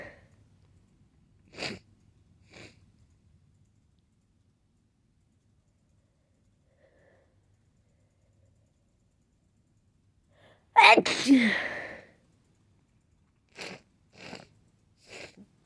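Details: Sneezing: a loud, sharp sneeze in a quiet room, with a few short sniffs and small bursts before and after.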